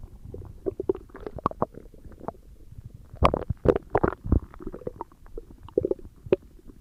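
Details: ASMR recording of stomach growling: irregular gurgling and rumbling bursts of gas and fluid moving through the gut; ordinary borborygmi.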